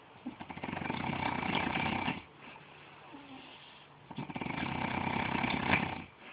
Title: Who's snoring?? Daddy or son. Lol.